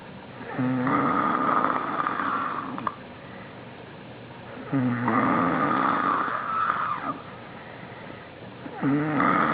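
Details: Man passed out asleep on the floor: loud, rattling snores on each inhalation with quieter exhalations between, about 14 breaths per minute; snoring.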